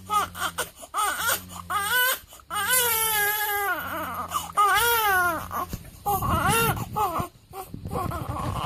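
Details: Day-7 newborn crying in repeated wavering wails with short catches of breath between them; an ordinary infant cry.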